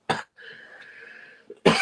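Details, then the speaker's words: Two short, harsh coughs from an adult man who says he has a cold and a cough, with a faint strained breath between them. "And guys, by the way, I've got a cold, by the way, and a cough, so that's why I sound like this today."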